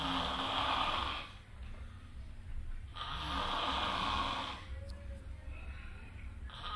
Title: King of snore in the world , ស្តេចដេកស្រមុកក្នុងលោក..